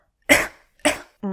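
Two sharp, dry cough bursts from an adult, deliberately imitated, followed by the start of a voiced sound; a simple demonstrated cough.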